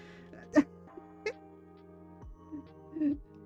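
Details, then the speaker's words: Adult's hiccups: two short, sharp catching sounds over steady background music; the speaker notes a big hiccup. "Oh my goodness, that was a big hiccup that you just heard. Did you guys hear that?"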